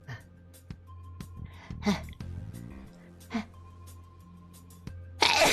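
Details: Sneezing: a few short sneeze bursts over soft background music and beeps, ending in a louder burst of noise.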